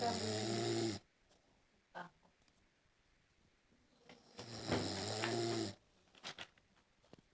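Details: Loud, rattling, low snorts about four seconds apart with quiet breathing between; heavy snoring.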